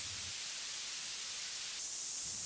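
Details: Steady high-pitched hiss that shifts partway through to a brighter, more focused high band. This is a tinnitus masking noise being tuned in frequency and Q in both ears simultaneously.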